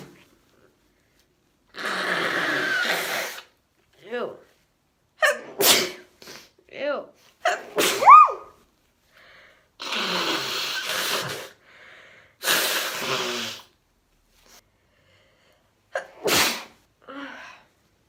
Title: Allergy sneezes and nose blows